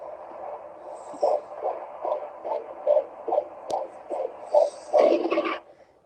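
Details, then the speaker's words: Fetal heartbeat on Doppler, first pregnancy, first time hearing it: rapid, rhythmic whooshing pulses, roughly 140 beats a minute. "yep so that was our first time being able to hear the heartbeat and so forth cool to hear it"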